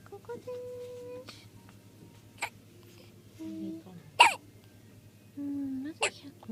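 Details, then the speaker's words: Sleepy baby with hiccups: short sharp catches every one to two seconds, with soft adult talk in the background. "ひゃっこりしてる。"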